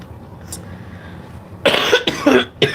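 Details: Three loud, harsh coughs in quick succession after a quiet start, a brief coughing fit, from an adult who says they can hardly breathe.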